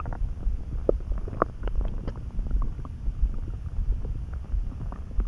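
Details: Stomach rumbling that came on suddenly, felt in the pit of the gut, while neither hungry nor full and easing after a snack: deep, irregular rumbling with scattered gurgling pops over steady low background noise, ordinary bowel sounds.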